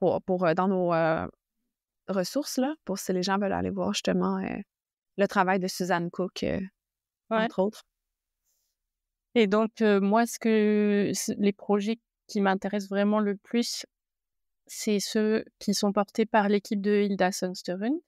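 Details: Adult woman who stutters, a speech-language pathologist and doctoral candidate, speaking French: stuttering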